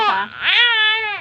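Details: Baby gives a single loud, high-pitched cry with a strained, rising onset and sustained wail: infant crying.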